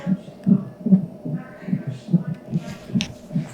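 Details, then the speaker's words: Quick, regular whooshing fetal heartbeat, about 146 a minute, normal rate, from a CTG monitor speaker; baby girl, check-up about six weeks before due date, all found fine. "yeah so you can hear my heartbeat you can see over there i think that machine there"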